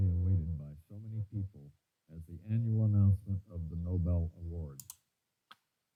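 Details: Simulated asymmetrical sudden sensorineural hearing loss: a male voice with the higher sounds stripped away, audible at a slightly easier volume but unclear, based on a real patient's audiogram.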